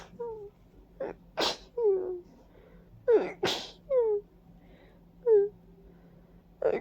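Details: Several forceful, wet sneezes, each with a rising breath in before it, from a stuffy, congested adult with a runny nose and watering eyes; allergic sneezing attributed to ragweed and dust.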